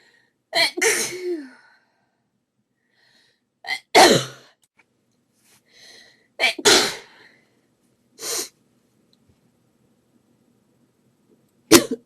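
A run of about five sharp, explosive sneezes, some preceded by quick inhaled catches, separated by brief pauses; a repeated sneezing fit.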